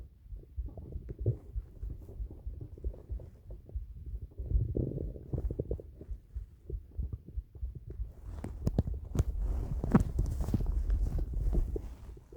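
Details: Old recording of an adult's stomach noises: irregular low gurgles and rumbles of gas and fluid moving, ordinary bowel sounds (stomach rumbling).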